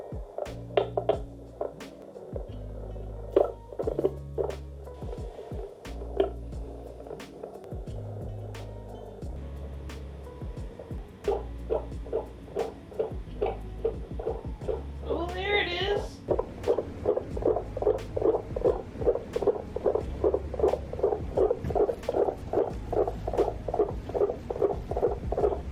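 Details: Fetal heartbeat in the third trimester on a Babytone home fetal Doppler: rapid, regular whooshing, about 150 beats a minute, over background music.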